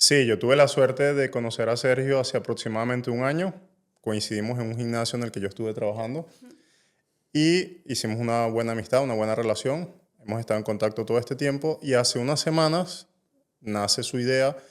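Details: Adult male speaker; Normal speech.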